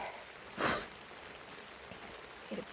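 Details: Adult with a cold camping outdoors in the rain in the Australian bush: one sharp, wet nasal sniff and a fainter second one, typical sniffling.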